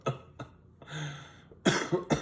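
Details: An adult man with asbestos-related lung damage, after a day outdoors in smoke, gives about five short, harsh coughs around a drawn-out, hoarse throat-clearing sound; repeated cough.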